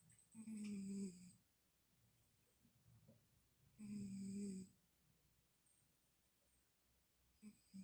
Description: My cat Middy snores.